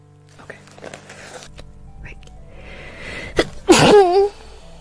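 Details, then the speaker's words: Girl says she's about to sneeze, then soft sounds and light background music build to one sharp, forceful sneeze with a brief high voiced tail. "oh I'm going to sneeze"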